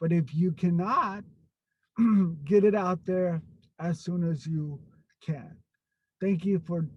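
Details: Stuttering in an adult man who stutters.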